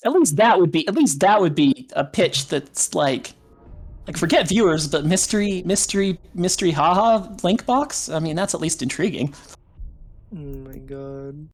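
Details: Echolalia in a streamer, a speech issue he tries to control; repeating others' words quietly, picked up by the microphone.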